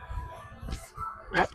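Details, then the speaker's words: Single sharp joint cavitation pop during bonesetting/chiropractic manipulation of an adult man, over low rumble and faint music. "Grabe isang putok lang yun ah. Pero matindi ah pagsamahin mo lang."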